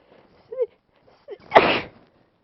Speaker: gonna sneeze. Oh, Jesus, sneeze.